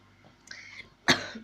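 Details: Single sharp, explosive cough from a child who has had a fever and a very sore throat, preceded by a faint breathy sound.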